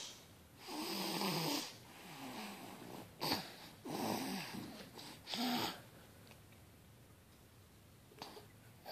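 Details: Child snoring like an adult: three loud, rough snores on in-breaths, about 20 per minute, with quiet pauses between them in a small room.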